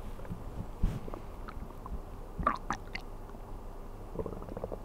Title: 【ASMR】空腹で寝てる時のお腹の音1時間/Stomach sound for 1 hour when sleeping on an empty stomach